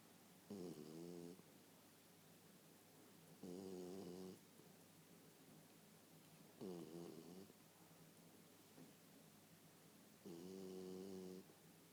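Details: Regular buzzing snores, about 20 a minute, over quiet room hiss, from a West Highland White Terrier (Westie) dog asleep; snoring.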